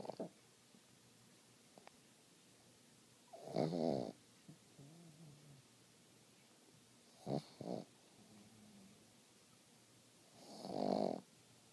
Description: Ozzy the pug snoring like a human :)